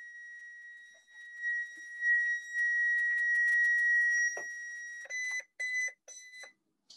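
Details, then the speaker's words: Defibrillator charging, then rapid ready-to-shock beeps: a steady high alarm tone followed by repeated beeps, in a neonatal ICU training workshop on a non-human test setup with poor pad contact detected, not a patient. "And typically you would want to charge and eventually deliver a shock by pressing on both buttons at the same"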